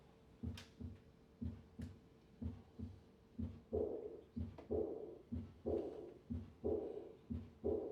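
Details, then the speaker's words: Aortic regurgitation: regular heartbeat near 60/min; three normal beats, then a high-pitched blowing diastolic murmur after each beat, described as crescendo, heard at the third or fourth left intercostal space. "The classic murmur of aortic regurgitation is a diastolic a crescendo murmur usually heard in the third or fourth left intercostal space. This murmur has a high pitched character."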